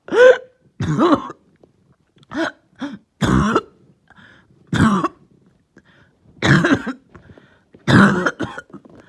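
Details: Person with cough and headache, lingering cough started the previous night: about eight short harsh coughs and throat-clearing sounds, irregularly spaced with quiet between; lingering cough.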